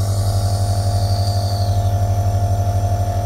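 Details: Meditive Handy Respiratory compressor nebulizer running at home, flow adjusted between minimum and maximum: steady low motor hum with fast, even pulsing; compressor nebulizer running.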